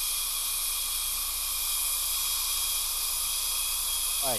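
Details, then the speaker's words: High-speed dental handpiece with an LVS1 0.5 mm depth-cutting diamond making half-millimetre depth cuts to begin veneer preparations on a patient's lower premolars, canines and lateral incisor; steady high-pitched whine. "this is the lbs one 0.5 millimeter def cutting diamond that i'm using here to begin my veneer preparations"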